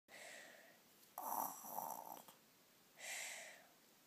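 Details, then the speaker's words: Toddler faking snoring: loud, rough, snore-like noises on breathing in, then a quieter snorting breath after a pause; simulated, not real snoring. "Oh, wow, that was loud. He's snoring so hard."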